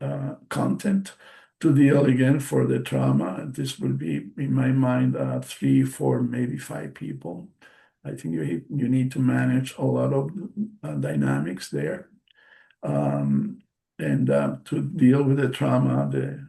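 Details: Post-stroke aphasia in a male stroke survivor, a non-native English speaker presenting in English; audible word repetitions and self-corrections; aphasia.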